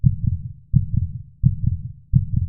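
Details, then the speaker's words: Regular lub-dub heart sounds at about 85 beats a minute with a steady rhythm, used in a school lesson on blood circulation: normal heartbeat. "When the doctor keeps stethoscope on chest, he can also hear heartbeat, okay, rhythm of your heart."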